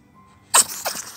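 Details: Two quick, sharp sneezes from a pet ferret, the second softer; owner suspects something got into its nose, possibly too much grass.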